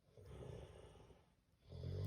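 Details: Man snoring: low, rough rumbling breath sounds that rise and fade through each breath.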